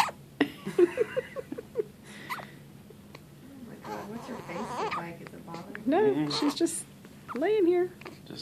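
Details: An infant's short, sharp, regularly spaced hiccups, with faint room noise and some adult talk.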